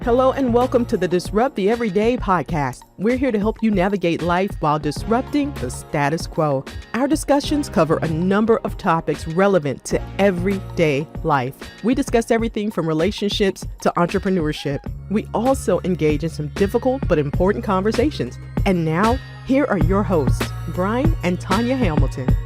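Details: Adult announcer; typical speech.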